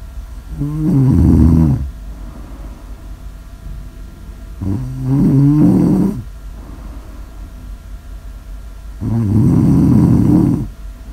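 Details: Snore audio ASMR recording: three loud, low, rattling snores on the in-breath, about four seconds apart, with quiet breathing between them; snoring.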